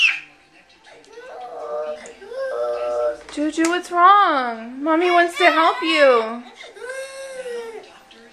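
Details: Young child's rising wavering wails and whimpering with soft sobbing breaths; distressed crying, mother suspects tummy pain and GI problems.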